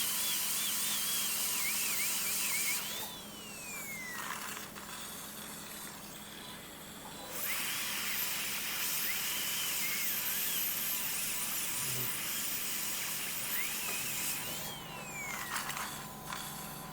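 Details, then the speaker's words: Dental drill in bursts with sliding pitch, widening a large caries cavity in a molar behind the carnassial tooth of a 6-year-old Labrador, undercutting inside and keeping the opening small, during a veterinary dental filling. "So I'm just making inside cavity little bigger and I am outside I'm just trying to keep as as smaller as possible."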